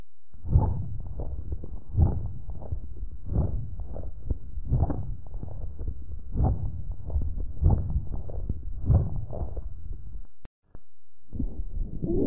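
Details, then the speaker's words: Lung auscultation teaching recording of crackles: short, broken, intermittent crackling noises over repeated breath cycles, likened to crumpling paper. "las sibilancias que son ruidos agudos como un silbido los roncos que son sonidos graves como un ronquido y las crepitancias que asimilan una hoja de papel que se arruga"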